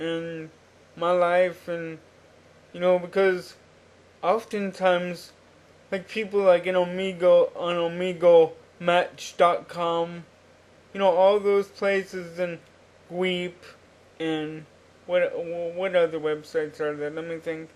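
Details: Adult man with cerebral palsy since birth, which he attributes to oxygen deprivation in the womb; he uses a wheelchair and reports normal cognition. Dysarthria (cerebral palsy).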